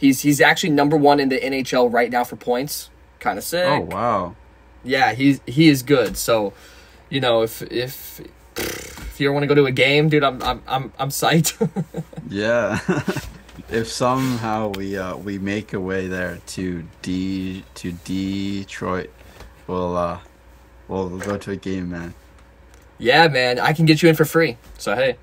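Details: 24-year-old man who has stuttered since childhood, most on his own name; severity ranges from very bad to barely noticeable. Finding: stuttering.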